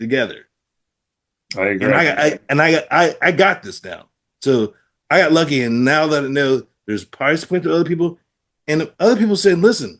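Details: Adult man with aphasia after a stroke, practicing with app-based speech therapy; aphasia.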